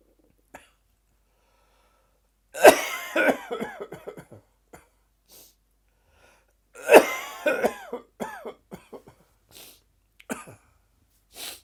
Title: Dry Gagging Afternoon Cough